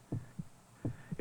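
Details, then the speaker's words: Two deep regular lub-dub heartbeats over a low hum, a normal heart rhythm set by the heart's natural pacemaker, in an educational bionics film. "the heartbeat is regulated by a natural pacemaker a highly modified portion of the cardiac muscle it tells every part of the heart when to beat and how"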